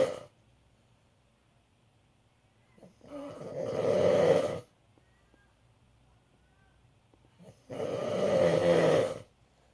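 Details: Adult father snoring in sleep: two long, rough inspiratory snores, each about one and a half seconds, separated by quiet pauses; ordinary snoring.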